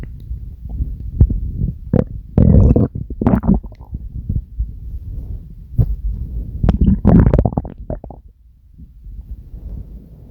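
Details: Stomach growling produced on command: low gurgling rumbles and squelches in irregular bursts; normal bowel sounds.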